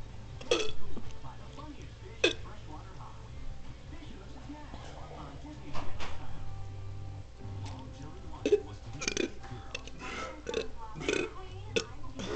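Deliberate belched voicing shaped into letter sounds, with brief pauses and background music; voluntary burping.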